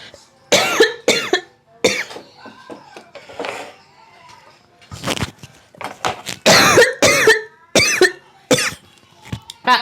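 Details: Repeated forceful coughs in clusters with throat clearing and brief gasps while eating very spicy stir-fried beef tripe; coughing after choking on food.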